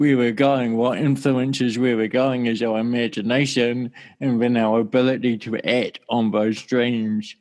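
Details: Mild dysarthria from cerebral palsy present since birth (1984) in an adult man whose speech sounds slightly different.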